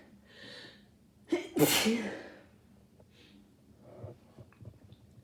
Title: Rapid sneezing from my cold (and nose blows)